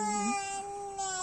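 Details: Brief, sustained, high-pitched wail from a crying young child.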